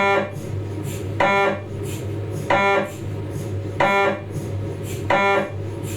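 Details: Philips 1.5T MRI scanner noise during cervical spine examination: loud, regular pulsed buzzing about every 1.3 seconds, roughly 46 a minute, over a steady hum.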